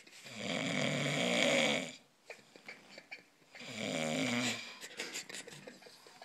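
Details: Sleeping dog giving two long, loud, rattling snores, each followed by a quieter, softly snuffling exhale; ordinary snoring.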